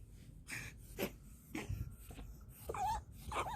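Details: A few sharp sneezes and snorting, retching hacks from a cat bringing up a hairball.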